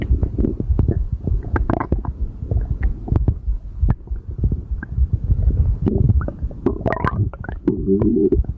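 Continuous low gurgling and rumbling with frequent pops and bubbling; active bowel sounds during digestion with a bloated tummy.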